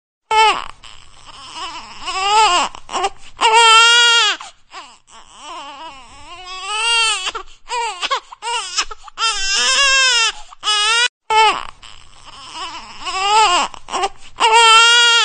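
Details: Infant crying loudly in repeated wailing bursts, each separated by a short gasping breath.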